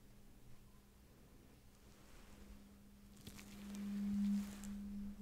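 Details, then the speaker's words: ASMR medical roleplay hearing test: a tuning fork is struck for a sound-localization check with eyes closed, giving a steady low hum that swells and fades over room hiss. "once you close your eyes and tell me where you hear the tune and Fork sound come from now good again"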